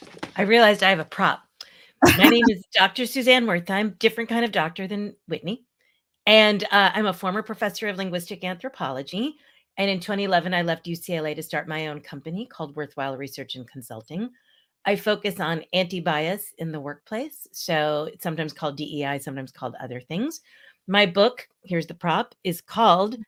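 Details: Adult woman; Normal speech.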